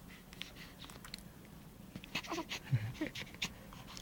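Quick, rhythmic breathy puffs from a dog with a few snuffly bursts; ordinary dog panting.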